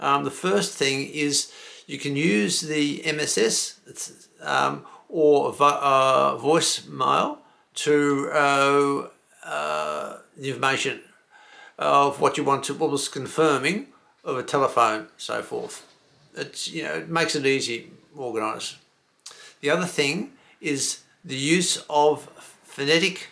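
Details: Male stroke survivor with aphasia acquired from a stroke, with word-finding difficulty and disrupted phrasing; he reports he cannot get the right words out; aphasia.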